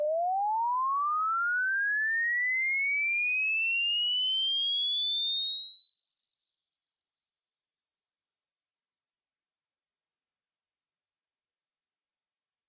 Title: Hearing TEST !!👂🏻🙉 HERE ⚠️ #eartest #frequency #beepsound #earage